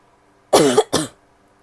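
Two quick voiced coughs from an adult woman in a quiet room.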